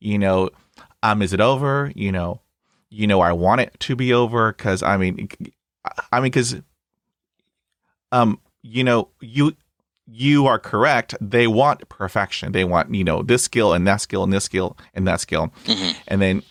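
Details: Stuttering in an adult man, starting around age 3 when he developed Lyme disease from a tick bite, which he still has. It was full-blown by middle school and is now somewhat controlled, with bad days or weeks; briefly closing his eyes eases blocks and repetitions.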